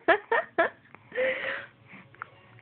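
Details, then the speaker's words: Baby girl with hiccups: three short, sharp voiced catches about a quarter second apart, then a soft whine, while her mother talks to her; infant hiccups. "Hey Do you have to hickup do you have to hickup"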